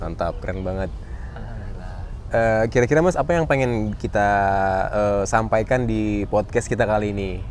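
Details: Adult male; typical speech.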